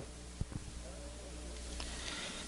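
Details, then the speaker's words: Spoken 'e' heard via microphone first over healthy side, then over consolidated lung (as in pneumonia): over consolidation it sounds like a faint nasal, bleating 'a', egophony. "first you will hear the letter e spoken over the healthy side now you will hear the letter e spoken over the area of consolidation"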